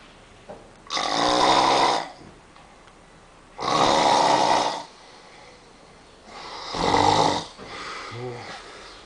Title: Snoring again in Akrata